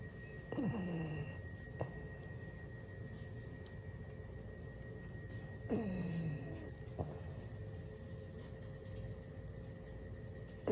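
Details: French bulldog napping: snorting, rattly snores on each breath over a steady background hum; flat-faced dog's noisy sleep breathing, snoring.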